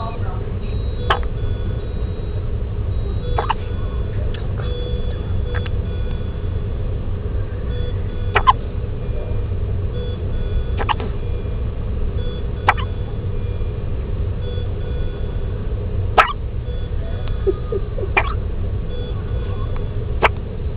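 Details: A premature baby girl hiccups after working herself up while upset: brief, sharp infant hiccups recur every few seconds over a steady low background rumble.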